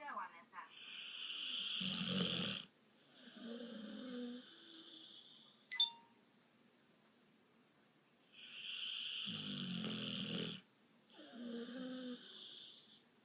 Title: Gotti snoring